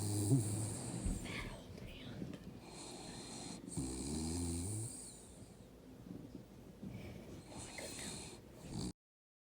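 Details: Beagle-corgi mix dog sleeping on a couch: low, rumbling snores with faint room noise; snoring.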